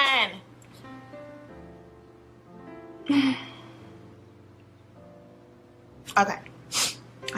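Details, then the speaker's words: Young woman with suspected hay fever or allergies sneezing mid-speech after announcing a sneeze: sharp, breathy sneeze-like bursts with catching breaths over soft background music. "I got this brown chocolate brown oh I got a sneeze I got to come"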